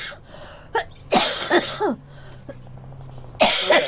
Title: Girl Coughing 308